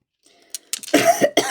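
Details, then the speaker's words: Brief sharp cough bursts followed by rough, voiced throat clearing from an adult woman, who apologizes for a frog in her throat: cough with throat clearing. "pardon excusez-moi j'ai un chat d'corche."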